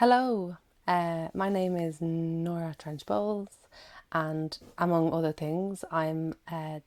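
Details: Adult woman who stammers, giving a recorded talk; repetitions of words and syllables audible; stammering (stuttering).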